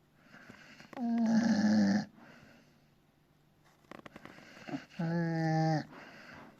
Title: Rogue...My dog is peacefully napping ! #napping #bullterrier #puppy #rogue #dog #funny #snore